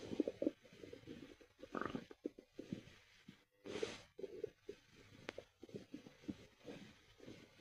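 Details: Stomach growls: soft, irregular gurgles and rumbles from the belly; ordinary bowel sounds.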